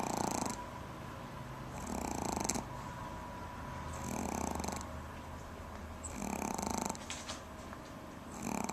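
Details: Pomeranian dog snoring: rhythmic rough, rattling snores at about 30 breaths a minute, with quieter gaps between breaths.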